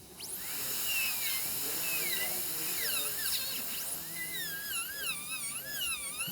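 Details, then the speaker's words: High-speed dental handpiece in an all-ceramic crown prep (rounded shoulder) on tooth #9, trimming the under-reduced distal: high-pitched whine dipping and rising with light brushing strokes, faint background music. "okay we're getting much closer i'm a little bit under reduced toward the distal so i'm going to take a little bit more"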